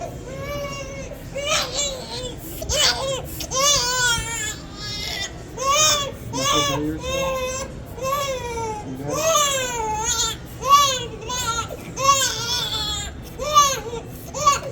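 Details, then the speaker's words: A baby girl's pain cry during ear piercing. Sustained, high-pitched, distressed wails with catches in breath over soft background music; she stops crying shortly afterward. "she done crying see that's it it's just the pain at first and then it's over with"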